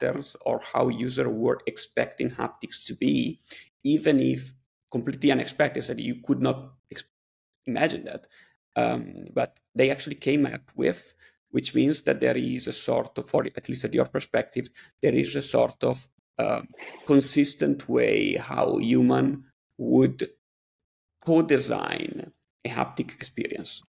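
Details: Adult male speaker; typical speech.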